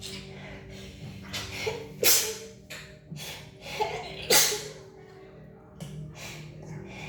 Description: We can't stop sneezing.